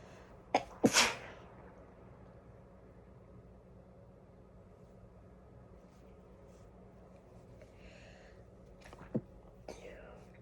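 One loud, sharp sneeze burst near the start, then quiet room noise with a few faint small sounds.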